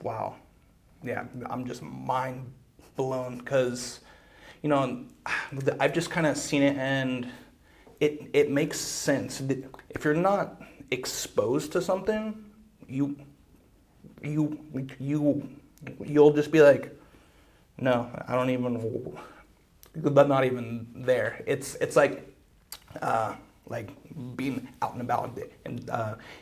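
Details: Male podcast host with a speech problem involving blocks and getting stuck, who uses breathing and other fluency strategies to stay fluent; stuttering.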